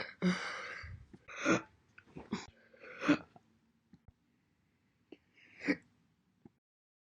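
Several separate short sharp voiced catches with gaps between them, consistent with single hiccups.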